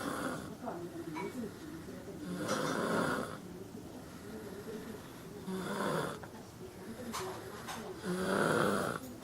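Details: Boy sleeping in a basket, snoring loudly and roughly in regular cycles, about 21 breaths a minute, with fluttering on each breath in.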